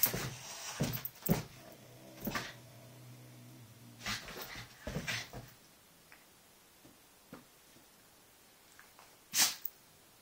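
Several short, sharp nasal bursts from a dog, with quieter snuffles between and a final sneeze; sneezing.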